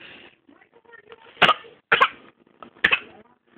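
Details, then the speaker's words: Dog with a very bad cough, owner says he has a very bad cold: three sharp, harsh coughing bursts in quick succession separated by brief quiet; repeated cough. "are you okay oh he got a bad cough you have a cough you"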